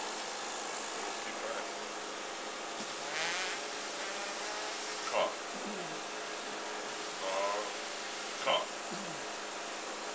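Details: 23-year-old man with Duchenne muscular dystrophy using a mechanical cough assist machine to clear his lungs. Rhythmic machine-driven inflations and suctions, about 18 cycles a minute, with brief assisted cough bursts and prompts to take a deep breath.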